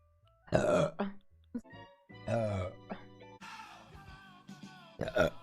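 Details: Several loud, throaty belches in a row over background music, while eating very spicy food that is burning the lips and throat.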